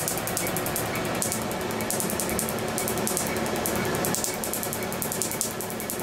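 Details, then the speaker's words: Laser tattoo removal on an adult male patient's first treatment session: rapid, steady snapping clicks about four per second over a constant hiss as ink is broken into particles. "Rapid absorption of the laser energy causes the ink to break into tiny particles which are then removed by the body's natural filter system"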